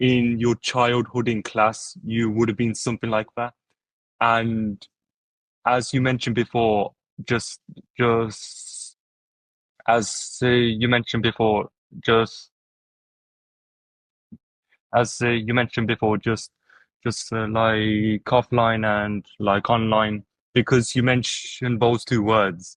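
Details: Adult who stutters and attended speech therapy in primary school, heard speaking with stuttering.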